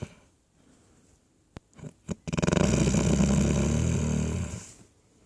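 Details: A man snoring off-camera: a few soft snorts, then one long, loud, rattling inhaled snore lasting over two seconds; snoring.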